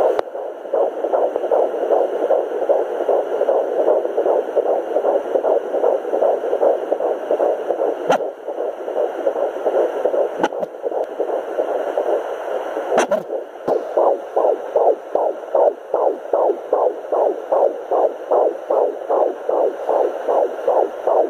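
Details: Fetal heartbeat at 13 weeks 5 days of pregnancy (third baby), found at home with a Sonoline B fetal Doppler; rapid regular whooshing pulses about 150 per minute.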